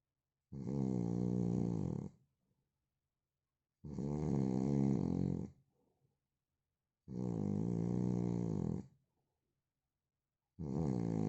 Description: Original sound of man snoring...